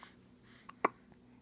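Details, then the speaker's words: A baby girl, about to be put down for a nap, hiccups in a quiet room: one sharp, short gulping catch, then a fainter second one. Hiccups. "Those hiccups are a pain, aren't they?"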